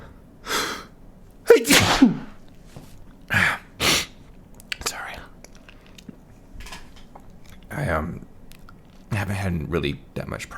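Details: Deliberately induced sneezing, provoked by inserting a small paper or cardboard tag into the nose; several sharp sneezes with breathy intakes between them, then quiet sniffing in a small room.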